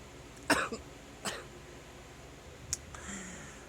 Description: ...many proceeding coughs to follow...